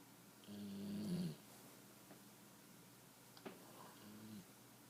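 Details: Snoring from a sleeping female puppy after a long day: a soft, nasal, whistling snore on the in-breath, then a smaller second one, in a quiet room.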